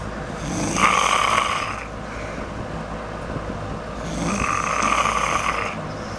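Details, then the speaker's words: Woman snoring while sound asleep in a room with a fan running and a window partly open. "That window we got open part way. And she is snoring."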